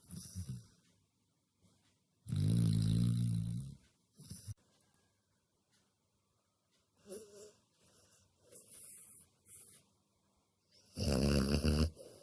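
Loud, rough snoring bursts with quieter breathing between them, from a sleeping animal that is probably a dog.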